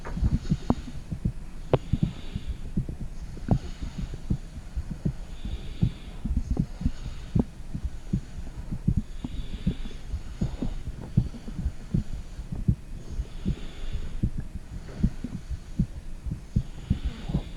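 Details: Heartbeat recorded with a phone microphone on a mother's stomach: soft, muffled thuds at roughly 78 a minute, mixed with rumbling and gurgling abdominal noises.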